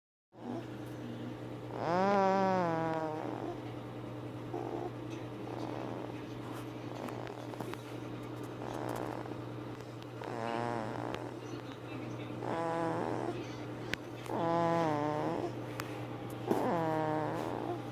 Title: Jumper snoring